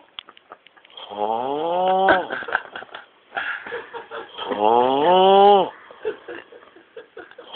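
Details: Sleeping man's unusual loud, tuneful snoring: two long, rising, moaning, voice-like snores with sputtering noises between them; he reportedly didn't know he could do it.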